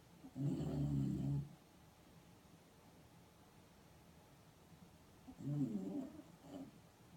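Two low, rumbling snores separated by a quiet pause, over faint room noise; ordinary snoring.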